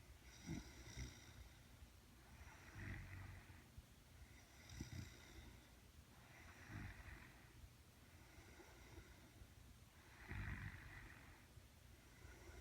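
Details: Adult woman snoring in a dark room: rhythmic low rattling snores with each breath, about five in twelve seconds, roughly 24 a minute, with quieter breaths between.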